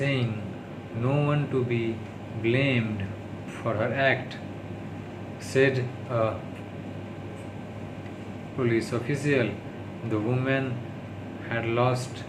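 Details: Adult man with stammering in daily speech-therapy practice (day 36), speaking English; his worst stuttering yet, worsened by tiredness, stress and low mood; stuttering.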